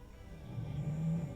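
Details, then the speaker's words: Low, steady rumbling sound lasting under a second from a dog snoring very loudly next to the speaker: snoring. "strange noise my dog is snoring very loudly next to me"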